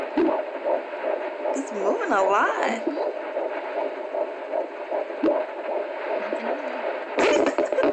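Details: Fetal heartbeat at 12 weeks of pregnancy through a handheld Doppler: rapid, whooshing beats at about 150 a minute, a normal fetal rate.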